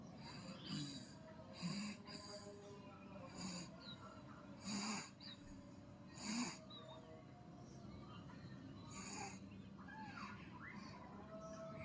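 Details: Soft snoring from a baby, repeated rough, snorting breaths at an irregular pace over low, steady room noise.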